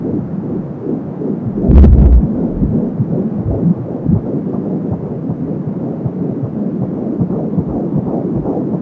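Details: Fetal Doppler (Angel Sound) at 14 weeks of pregnancy: fast rhythmic whooshing pulses, about 170 a minute, with whooshing umbilical cord sounds; fetal heartbeat.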